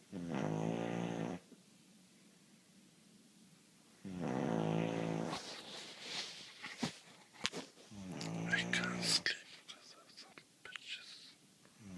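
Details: A man snores loudly with buzzing sounds on each breath in, about 15 breaths a minute, with quieter rustling between them in a small room.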